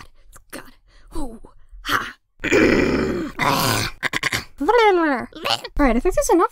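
An adult coughs and clears the throat harshly several times, with groaning voiced sounds in between.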